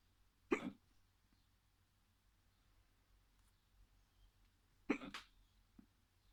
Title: Short case of hiccups